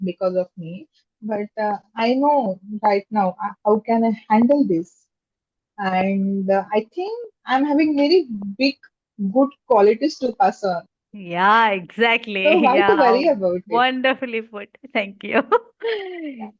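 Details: Adult woman with stammering since childhood, speaking in a podcast interview. Stammering (stuttering).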